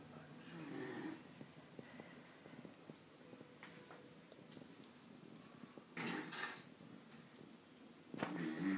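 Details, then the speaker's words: Snoring during sleep: irregular rough snorting breaths with quiet gaps, some clicks and room noise. "And he moans that I snore. Listen to that."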